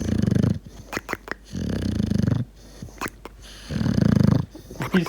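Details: Loud, rattling snores about every two seconds, with odd snorts and trilling noises between breaths, from a deaf English bulldog puppy napping after playing all day in a cow field: snoring with bizarre noises.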